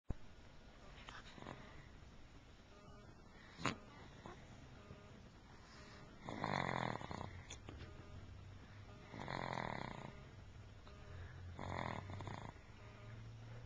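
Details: Sleeping child snoring, recorded January 2007 on a Flip Video camcorder: rough, rattling breaths about every two to three seconds.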